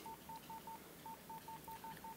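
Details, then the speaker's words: Ten short, even beeps in quick succession from a corpuls1 defibrillator during the daily function test: the control tone when the shock paddles are put together and their buttons pressed, confirming the buttons work. "control tone alerts you that the buttons are working."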